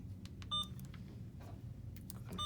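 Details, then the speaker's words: Alaris IV infusion pump keypad beeps while programming a channel for maintenance normal saline on primary continuous tubing, brief electronic beeps from key presses over low room hum. "from there we will hit channel select we will select guardrail IV fluids we're gonna select maintenance fluids we just have normal saline going"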